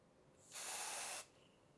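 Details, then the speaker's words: Quick Stop aerosol wound spray, bottle shaken and sprayed from 15 cm onto a bleeding wound or cut, e.g. a plantar wound after callus removal: a single steady hiss of about two-thirds of a second. "when you stop the bleeding with quick stop it will make it easier for you to finish the treatment shake the bottle and spray onto the wound or cut from a 15 cm"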